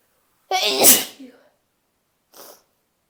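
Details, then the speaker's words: One loud, sharp morning sneeze from a female, voiced start and forceful hissing burst then a soft breath, one of about four sneezes in her first two hours awake; ordinary sneeze. "Hi, I've been up for like 2-ish hours and I've sneezed like 4 times."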